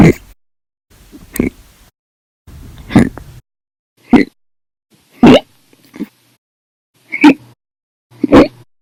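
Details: Compilation of hiccups recorded 8/1/19 to 8/31/19, described as violent, loud or silent, audio only: sharp, abrupt gulping hics, seven in under nine seconds, some with a short voiced catch; repeated hiccups.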